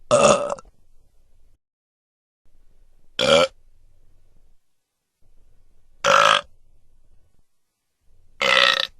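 Four separate loud burps with quiet gaps between them, from a sound-effect recording.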